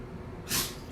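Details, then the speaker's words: Person having a sneezing fit in the background during a podcast recording; sneezes heard off-mic. "having like a sneezing fit over here I don't know if you can hear her bless you"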